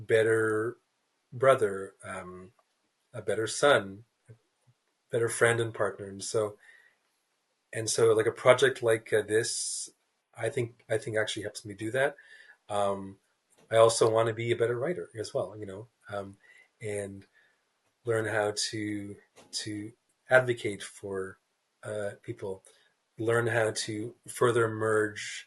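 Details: Stuttering in an adult man, a writer who describes himself as a person who stutters, speaking in a real, unscripted podcast interview.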